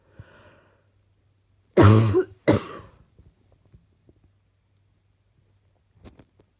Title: Another set of clips from today's coughing